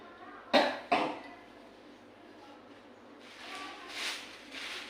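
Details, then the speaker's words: Two sharp deliberate coughs close together, then soft breathing and quiet voice; repeat cough in simulated effective-cough training, nursing skills-lab role-play with a seated patient on oxygen. "Oke Bapak. Maka ini batuk lagi."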